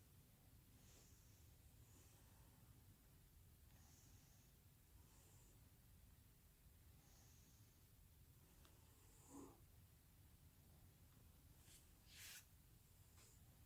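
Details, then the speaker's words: Normal breath sounds heard by stethoscope over the back of an adult man during deep breaths in a student nurse's respiratory assessment: soft and even, all lung fields clear, no crackles or wheezes, no breathing difficulty. "okay and then all the lung fields that I auscultated were nice and clear there was no crackles or wheezes okay"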